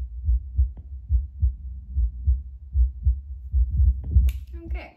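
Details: Own baseline heartbeat before drinking espresso, heard with a Bluetooth Littmann CORE stethoscope played through a speaker: regular soft lub-dub beats, about 75 a minute, with a brief rustle at the end. Normal heart sounds.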